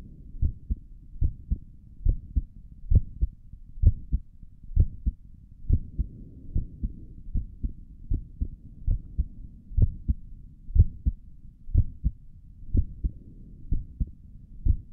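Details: Own heartbeat recorded through a stethoscope on the chest for relaxing ASMR: regular lub-dub at roughly 65 a minute over a low soft rumble; stomach gurgles occur in the recording; normal heart sounds.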